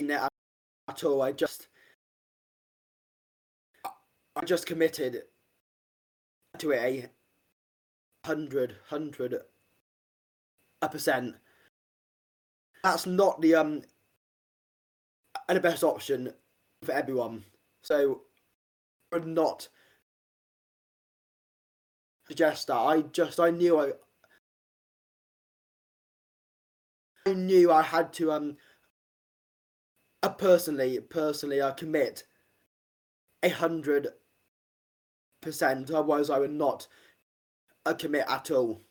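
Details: Adult man who has stammered since age five, with blocking and repetitions that worsen under stress; pauses, repeated words and fillers; stammering (stuttering).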